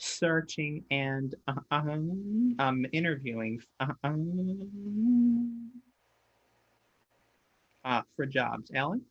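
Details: Stuttering in an adult who stutters, presenting at a webinar.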